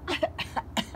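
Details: A young child without COVID-19 playfully does a rapid string of short, light, voiced fake coughs while playing with an iPad: voluntary cough.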